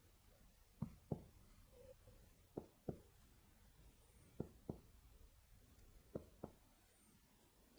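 Four pairs of quick double taps from finger percussion across the abdomen, the note turning dull over the liver: hepatic dullness; a voice begins at the end.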